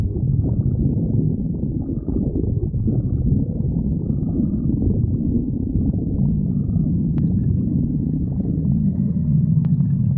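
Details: Stomach growling (borborygmi): continuous low rumbling and gurgling sounds from the abdomen.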